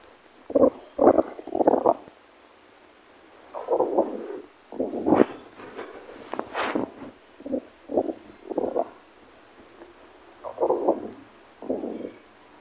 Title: Blue diamond tummy growl 2